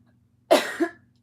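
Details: Adult woman reading aloud, throat clearing as her voice acts oddly: a single short, harsh cough with a brief second push at its end.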